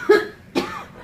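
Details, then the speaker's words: Adult woman with a chronic cough for about 30 years, starting in 1986 at the end of the first trimester of a pregnancy; she coughs around the clock, with only 10–15 minute breaks without medication. Two short, dry cough bursts. "Having a cough can be pretty annoying. But can you imagine coughing consistently like this for 30 years?"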